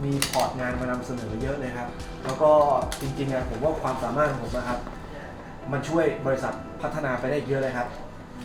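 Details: Adult male speaker, acted scene; fluent speech.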